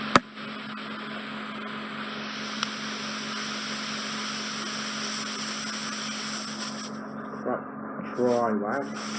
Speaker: you get a loud clarinet noise the skin gets trapped and the suction probe and it just vibrates and then releases